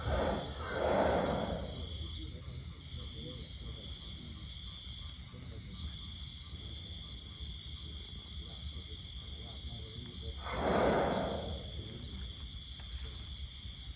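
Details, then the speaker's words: Phlai Ekachai, a sleeping Thai elephant, snoring slowly: two long, deep rumbling breaths about ten seconds apart over steady outdoor insect noise. "และนี่ก็คือเสียงนอนกรนของพ่อภัยเอกชัยที่ผมนำมาฝากท่านผู้ชมในวันนี้"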